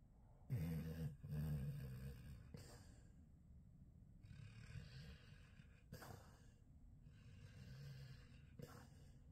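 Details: Soft, low, irregular rumbling breaths with occasional snorts over quiet room noise; light snoring.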